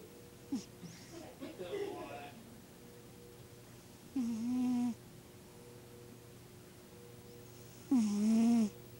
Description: Dave the cat snores...